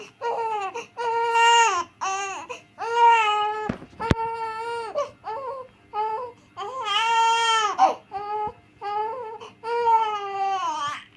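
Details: Two-month-old baby crying in repeated wailing bursts separated by brief catches of breath.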